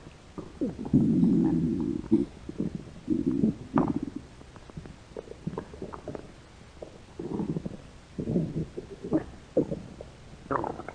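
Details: Stomach growling from hungry American girls: low, irregular rumbling and gurgling bursts from the belly, ordinary hunger borborygmi.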